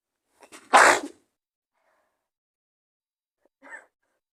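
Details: Simulated sneeze in a role-play of a girlfriend sick in bed with a cold and fever: a short intake of breath, then one sharp sneeze and a faint sound after; sneeze.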